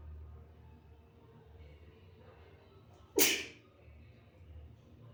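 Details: Person with dog allergy having a sneezing fit while hiding in a bathroom at a relative's home, face in tissues: a single sharp, explosive sneeze over quiet room noise.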